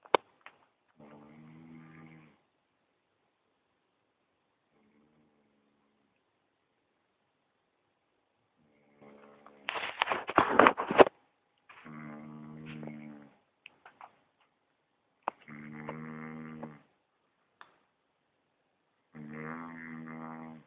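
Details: Quiet, droning, slightly tonal snores recurring every few seconds with one louder rattling breath; snoring in a quiet room.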